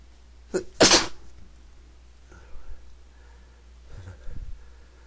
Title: Sneezing 3 (m)